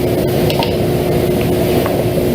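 A steady gas hiss with a faint hum, ending in a brief rising whistle as the regulator fills: a correctly seated oxygen regulator.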